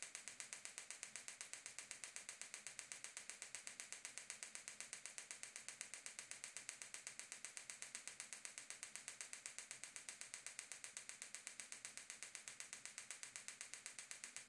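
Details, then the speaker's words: Extracorporeal shockwave therapy with a Gymna Shockmaster 300, 15 mm focused head, 3 bar, 8 Hz, 2000 shocks, with ultrasound gel on the proximal plantar fascia origin at the heel for plantar fasciitis / bony heel spur: steady, rapid train of sharp clicking pops as the device fires. "keep keep applying the shocks to the same area until all 2,000 shocks have been applied e e"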